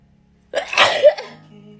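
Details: A single forceful sneeze bursting out after quiet, with a brief voiced tail, from a girl during a COVID-19 self nasal swab test: sneeze triggered by a nasal swab.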